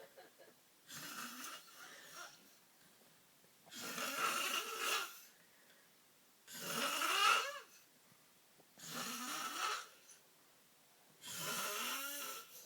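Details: Person snoring; five harsh, rasping breaths in a quiet room separated by pauses, about 25 breaths a minute: loud snoring.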